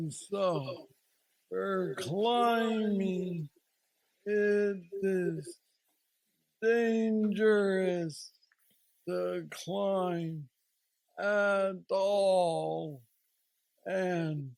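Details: 46-year-old man with Parkinson's disease diagnosed at age 35, which he calls the most aggressive form; he has a deep brain neurostimulator implant and mobility struggles; Parkinsonian speech (hypokinetic dysarthria).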